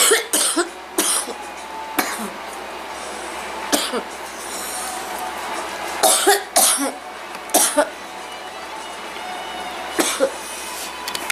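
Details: Girl with a bad cold and runny nose coughing: repeated short, harsh coughs with throat clearing, some in quick pairs; acted cough.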